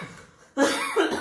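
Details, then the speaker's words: Adult man with a cough said to come whenever he laughs: after a quiet moment, one harsh, voiced cough in two quick bursts in a small room. "Tuh kan punya penyakit unik guys kalau ketawa pasti batuk"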